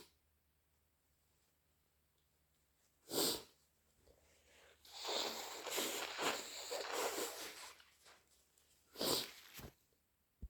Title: Loud and wet natural allergy sneezes plus blows